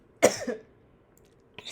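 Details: Adult woman coughing with sore throat and raspy voice the day after a procedure under anesthesia: a single sharp, harsh cough with a rough tail.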